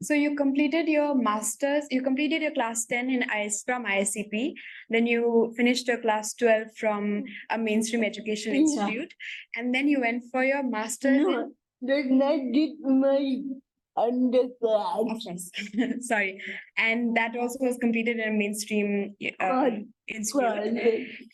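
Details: Adult woman; typical speech.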